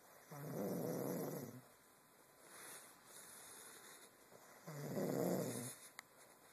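Two slow, rumbling snores on inhalation with quiet pauses between them; snoring.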